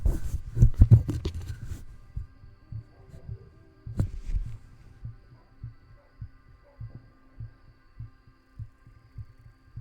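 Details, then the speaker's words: Adult's own heartbeat via microphone placed under the shirt against the chest: muffled, regular low thumps after brief handling noise; normal heartbeat. "That's what I get for trying to put, like, try to put the mic, like, for y'all to hear my heartbeat."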